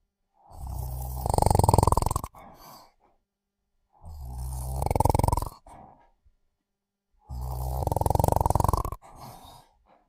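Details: Snoring during sleep: three loud, rough, rumbling snores about every three seconds, each followed by a short, soft exhale, heavy snoring.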